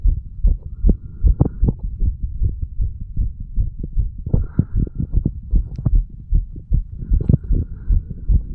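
Steady dull low-pitched heart thumps, roughly 75 to 80 beats a minute, with faint background hum.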